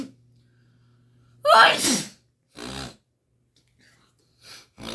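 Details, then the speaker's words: Woman having an allergic rhinitis attack, sweating, short of breath with a sore throat: a loud sneeze followed by two smaller sneezes in quick succession, a repeated sneezing bout. "o Ai meu Deus gente eu fico para não viver tipo assim eu fico muito agoniada parce que eu vou ter um treco de tanto que eu espirro"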